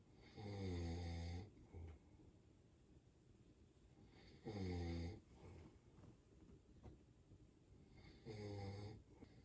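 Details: A German Shepherd dog snoring loudly in sleep: three loud, deep, buzzing snores on in-breaths, about 16 breaths a minute, with quiet breathing between them.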